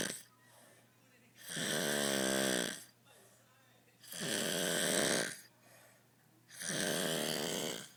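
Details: Drunk adult passed out on a couch snoring: loud, deep, rattling snores on each breath in with quieter breaths out, at about 12 breaths a minute.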